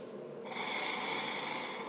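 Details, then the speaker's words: One quick, forceful exhalation through an Acapella vibrating PEP airway-clearance device held flat side up for stronger vibration, giving a rough buzzing flutter; a demonstration in cystic fibrosis care teaching. "one of the tricks that my patients have showed me is if you actually put the flat side up you'll get more vibrations I'll just let her do a breath really fast just just show"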